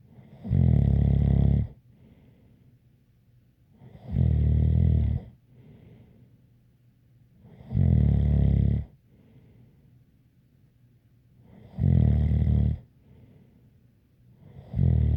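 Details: Loud, low rattling snores about every four seconds, roughly 15 a minute, with a faint whistle on each breath in; snoring.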